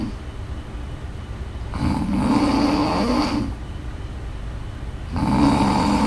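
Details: Loud, rough snoring: two long, rough snoring breaths a few seconds apart.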